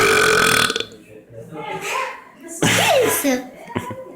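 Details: A loud, drawn-out rumbling belch from a man, amid talk and background music, in a compilation of short comedy clips; burp.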